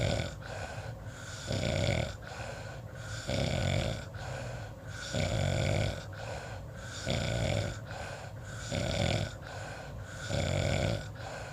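Repeated rough, rattling snores in a steady rhythm, each rising and fading with the breath. Ordinary snoring.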